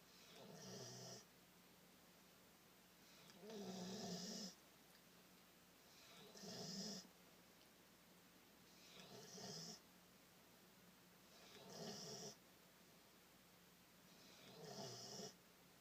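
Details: Snoring during deep, relaxed sleep on a Friday evening, after about two hours of outside play and training: regular rough, rattling snores, about six in fifteen seconds, separated by quiet pauses.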